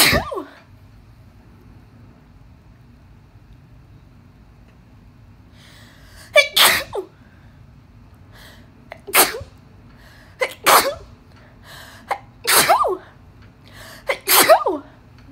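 Repeated explosive sneezes, about seven in close succession after an opening one, an allergic sneezing fit.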